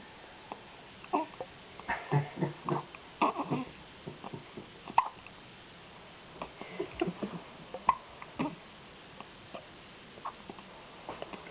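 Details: Newborn twin boys with hiccups at the same time: short, repeated hiccup bursts, some overlapping, with faint infant grunts between them in a quiet room.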